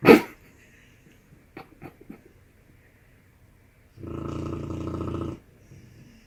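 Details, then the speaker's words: Dog sleeping and snoring loudly: snoring. "how my dog snores. You've never seen it."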